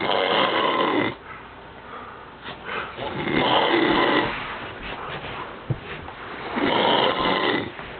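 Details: Sleeping man: loud, rough, rattling breathing noises recurring about 19 times a minute, with music and room noise; snoring.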